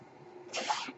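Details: Soft background hiss gives way to a brief, louder rush of air lasting under half a second from the male podcaster's own ventilator, heard during his speech; a mechanical ventilator breath.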